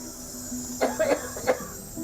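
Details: 55-year-old man with sudden-onset breathing difficulty, chest and upper back pain, long-standing cough, coughing up blood, attended by paramedics: a short run of three harsh coughs over steady background hum; cough.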